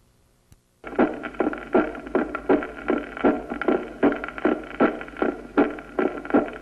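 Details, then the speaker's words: Teaching auscultation recording of regular heart sounds about 78 a minute with an accentuated pulmonary part of the second sound, a finding described in pulmonary hypertension, cor pulmonale and atrial septal defect: loud P2. "el componente pulmonar del segundo ruido está apagado En la estenosis pulmonar y está más intenso en la hipertensión pulmonar Como sucede en el cor pulmonal y en la comunicación interauricular por dilatación del ventrículo derecho"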